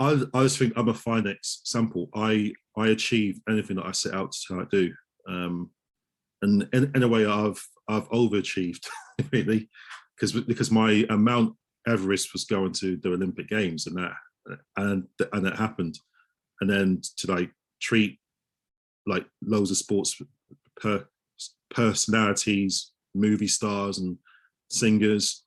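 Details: Adult male osteopath who stammers, with audible word repetitions; stuttering.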